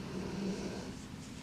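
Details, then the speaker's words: Dog Scout snoring while keeping owner company during filming, in the background of a crochet tutorial. "and you can probably hear my dog Scout snoring away she loves to keep me company as I'm filming"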